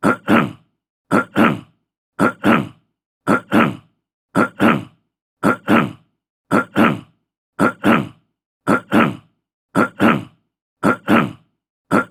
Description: Description: Throat clearing sound. Clear throat, short, male, fifty year old.